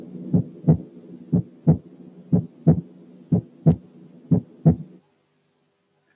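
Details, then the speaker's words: Cardiac auscultation at the heart base, normal person: regular heartbeat near 60 a minute, second heart sound slightly louder than the first, normal intensity, not accentuated. "في الشخص الطبيعي السكند ساوند بتكون الانتنسيتي بتاعته اعلى من الفيرست، زي كده."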